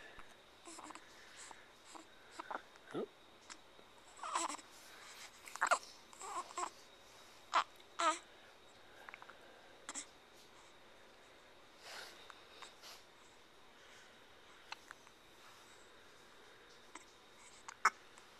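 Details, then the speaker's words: Hiccups in a 3-week-old infant shortly after feeding: short, abrupt hiccup sounds at irregular intervals amid soft newborn grunts and fussing. "what are you doing you doing just chilling you just just atat a little bit ago huh just ate yeah you got the hiccups"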